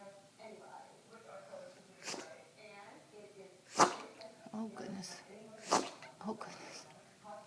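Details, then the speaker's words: Dog having a sneeze attack that allergy pills aren't helping, face washed: three sharp, explosive sneezes with a person talking softly in background; sneezing. "Oh, I washed your face and everything, just to make sure you could help you stop sneezing. I'm so sorry you have a sneeze attack."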